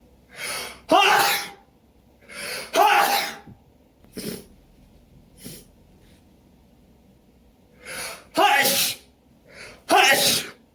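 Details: Person with newly developed pollen allergy, itchy nose and eyes, untreated; about five loud sneezes, each with a sharp in-breath before the burst, in a quiet room; allergy sneeze attack.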